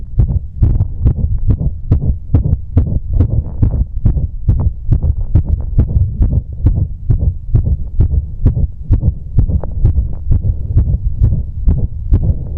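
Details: Heartbeat recorded after exercise, with a visible apex beat: rapid, deep heart thumps whose spacing varies from beat to beat, an irregular heartbeat.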